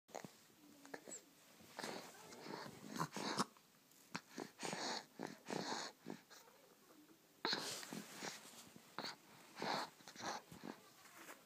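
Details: A dog's wheeze: noisy, whistling breaths in short bursts, a wheeze from narrowed airways.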